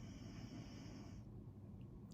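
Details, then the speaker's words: Loud, low, rumbling snoring from a sleeping animal lying under a desk, described as sometimes like a freight train, over steady room hiss. "He's so loud. He's under my desk right now. Sometimes it's like a freight train coming through here with his snoring."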